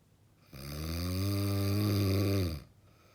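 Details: Extremely heavy snoring: one very loud, long, deep rumbling snore lasting about two seconds, a coarse throaty vibration on a breath in.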